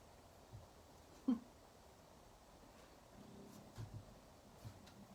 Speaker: i hope you didn't hear that that was my stomach growling